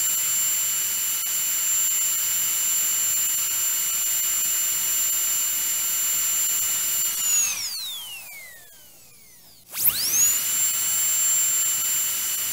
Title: Dentist Drill Sound | 1 HOUR